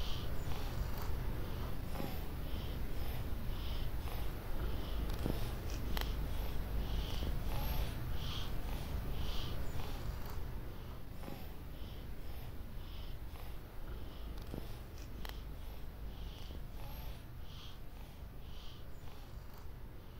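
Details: Tortoise with labored breathing: rapid, raspy, breathy puffs repeating over a low rumble, wheezy dyspnea.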